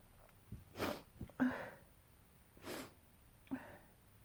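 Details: Sneezing fit: two sneezes in quick succession, each a sharp in-breath followed by a burst of air and voice.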